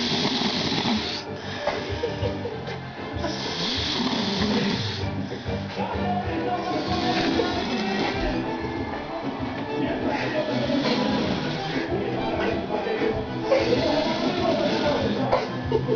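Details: Man sleeping after drinking: loud, rough snoring with repeated harsh rattling breaths, music in the background.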